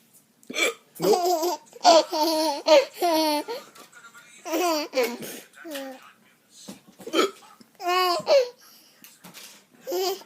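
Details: An adult man, a dad, hiccups while a young child laughs: hiccups.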